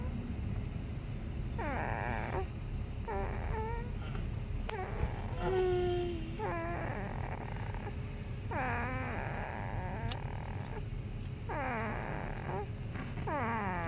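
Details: Brief squeaks, grunts and whimpering sounds from a sleeping 3-week-old newborn, irregular, over steady room hum; ordinary newborn sleep noises.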